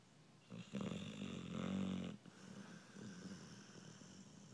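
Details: A sleeping American Bulldog: a low, rattling snore on an in-breath followed by a softer breath out; dog snoring.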